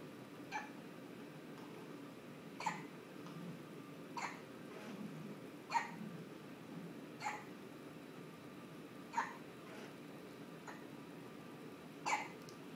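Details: One-day-old baby girl hiccuping: steady background hum with regular short, sharp catches about every one and a half seconds, eight in all; newborn hiccups.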